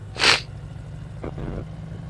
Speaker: I am so sorry for this for all the sneezing and sniffing and stuff like that if y'all can hear it so sorry